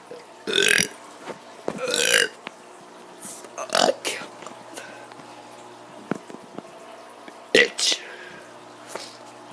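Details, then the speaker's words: Kid who had allergies two days earlier deliberately burping: several short, breathy belch-like bursts against steady room hum. "because i had some allergies two days ago shut up okay so let's get some burps"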